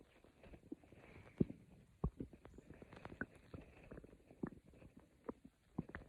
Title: A Stomach growling video by me. Quiet growls for sleep…